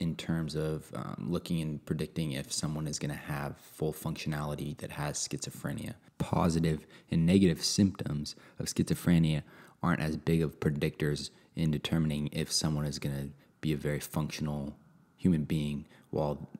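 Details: Adult male speaker; normal speech.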